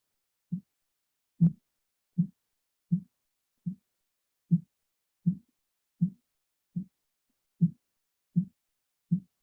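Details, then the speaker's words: Blood pressure tutorial: steady low tapping thumps at about 77 a minute are heard over the arm during cuff deflation. These are Korotkoff sounds, with the phases explained as whoosh, thump, muffled, then silence at diastolic. "phase two would be the whoosh phase three would be the thumb and phase four would be a mobile sound with phase five is silent so that would be your diastolic"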